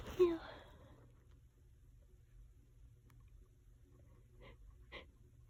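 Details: Allergy sneezing fit that went on about 20 minutes: one sharp sneeze, then quiet breathing noises and two faint short bursts; sneezing.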